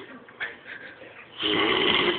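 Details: Fred snoring: a loud, rough, rattling inward snore after quieter breathing noise; ordinary snoring.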